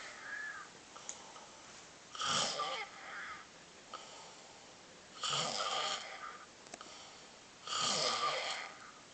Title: crazy snoring